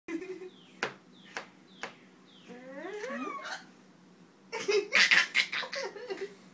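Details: A mother hiccuping while her young child laughs at it: three sharp hiccups about half a second apart, then a child's laughter and a louder hiccuping laugh.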